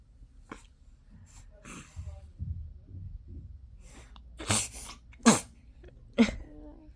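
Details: A 72-day-old baby gives soft grunts and breaths, then three quick, sharp sneezes in a row: ordinary infant sneezing.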